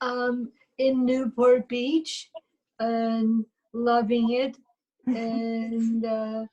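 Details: Adult woman with aphasia, speech halting and fragmented; aphasia.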